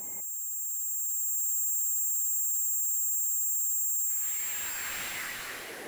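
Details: Steady pure ringing tones, several layered high pitches, then a rushing hiss: a simulation of tinnitus.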